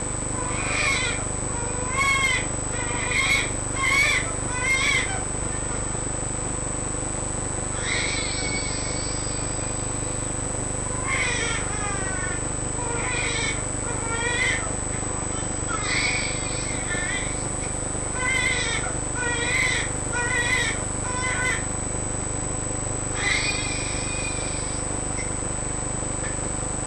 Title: Stridor & failure to thrive in 2months old baby